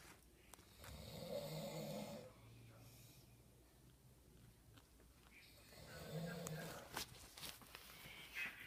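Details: Two loud rasping snores on the in-breath from a sleeping man, separated by a quieter out-breath; ordinary snoring.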